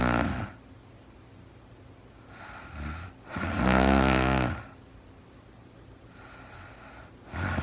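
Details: Steady snoring from a woman sleeping in real time, each breath in carrying a low rattling buzz, with softer breaths out between; snoring.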